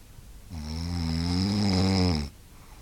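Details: Man snoring loudly enough to keep a friend awake: a single long, loud, rumbling snore on one in-breath, deep and buzzing throughout, then quiet.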